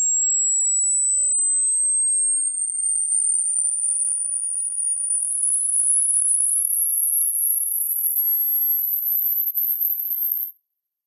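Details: Steady pure tone sweeping upward toward very high pitch, from a 20 Hz to 20,000 Hz hearing-range test checking the upper limit of hearing: hearing test tone sweep.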